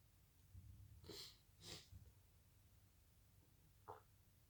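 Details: Person with a bit of the sniffles: two quick, soft, hissy sneezes close together, then a small sniff, in a quiet room.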